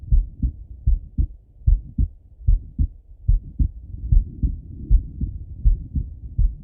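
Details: Male heartbeat by stethoscope while lying on his left side; regular low lub-dub at about 75 beats a minute with faint rumbling background, normal heart sounds.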